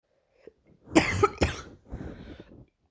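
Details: A child gives a short burst of two or three harsh, barking coughs, the kind typical of croup.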